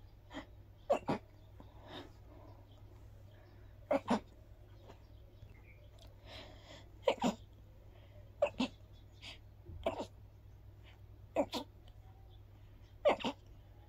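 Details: Person with grass pollen allergy after a walk in the park: about seven breathy sneezes, many in quick doubles, spread evenly with quiet breaths between.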